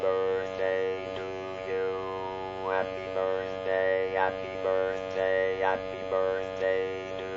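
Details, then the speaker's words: Singing Happy Birthday all the way through with an electrolarynx, with very limited pitch range, so many notes come out incorrect; electrolarynx singing. "I can do this in one of two ways I can either sing the song all the way through using my Electro larns or I could sing just the incorrect notes for the first version I'll sing the entire song for you"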